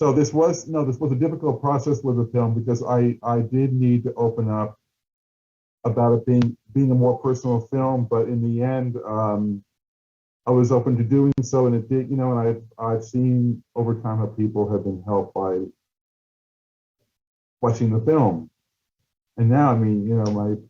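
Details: Adult male who stutters, with audible word repetitions; stuttering.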